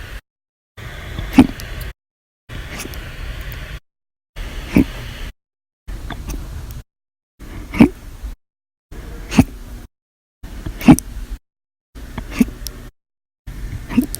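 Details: Sharp gulping clicks about 19 a minute in a steady rhythm, audio only, from a hiccup bout; repeated hiccups.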